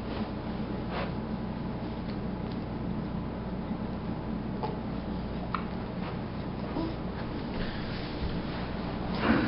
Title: with hiccups